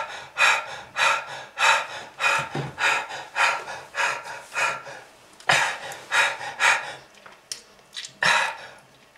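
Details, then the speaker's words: Simulated laboured gasping breathing, acted to depict smoking-related lung disease: rapid, noisy, heavy, effortful gasps about 100 a minute after coughing. "ah that red color is not from fruit punch kids if you want this Sten to you just keep smoking this is lung disease"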